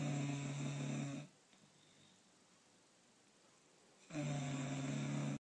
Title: Maddie the bulldog Snoring 2015